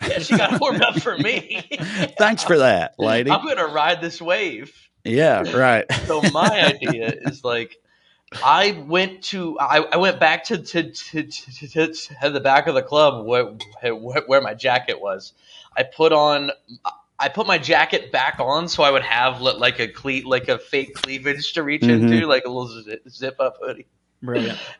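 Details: Adult male comedian who says he has a stutter; stuttering.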